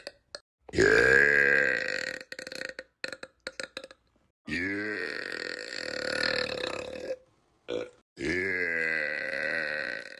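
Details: Burp compilation: three long, loud, drawn-out burps with short gaps between them; prolonged belching.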